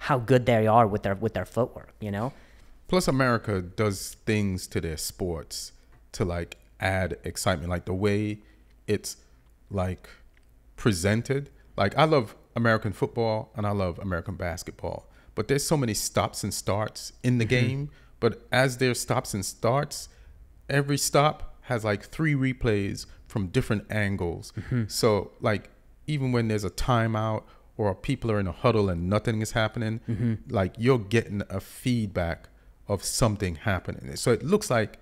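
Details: Adult man speaking; typical speech.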